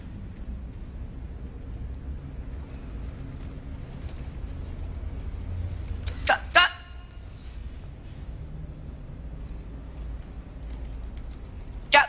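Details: Vocal tics from a person with Tourette syndrome, described as a would-be teacher after a job interview, heard in a dialogue scene.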